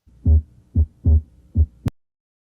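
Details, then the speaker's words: Normal heart sounds at the pulmonary area, second left intercostal space at the left parasternal line: clear paired low thumps of the first and second heart sounds, about two beats heard. "poco pulmonar localizado en el segundo espacio intercostal izquierdo en línea para externa izquierda"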